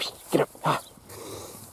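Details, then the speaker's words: Two short, harsh coughs from a sick, thin calf that was gurgling and breathing audibly, earlier had a green chin as if burping up food, still gets up and walks; recorded outdoors, cough. "it's still gurgling though still not quite right I'm not sure what's wrong with that one but it it I mean it gets up and walks around you can probably hear it breathing there we go there's a cough come on buddy"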